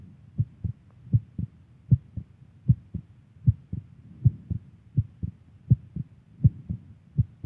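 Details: Clear, regular lub-dub heart sounds at about 77 beats a minute with no added noises, recorded from a girlfriend; normal heartbeat.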